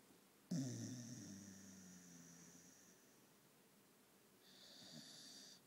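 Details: Snoring Staffie foster dog asleep after much exercise: a sudden snorting inhale fading into a long whistling breath, then a softer hissing breath.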